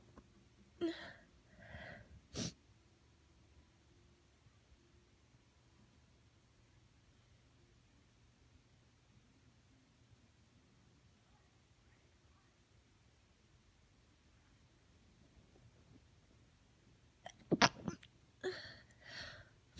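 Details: Female with a cold: several stifled sneezes and sharp inward breaths, then after a long quiet gap a couple of full-blown sneeze bursts.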